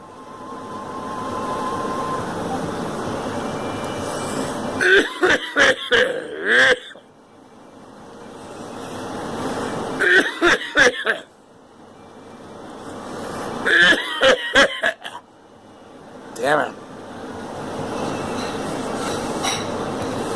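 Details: Adult with repeated coughing fits, several sharp coughs in quick runs, over a steady background rumble; cough.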